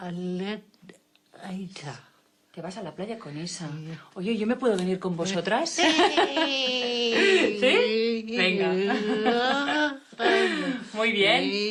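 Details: Adult female speakers; normal speech.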